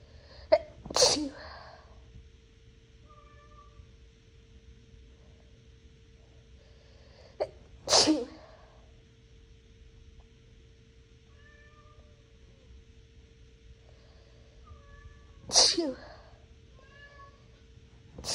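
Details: Three sharp sneezes, each preceded by a brief in-breath and spaced several seconds apart, induced with a Q-tip by a person who is not naturally sneezy, after bathroom cleaning (probably Clorox) left the nose burning; a cat meows faintly between sneezes.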